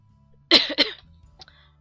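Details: A short, harsh double cough over faint background music from a gamer recording a Minecraft let's play in December, who is still not fully recovered from being ill.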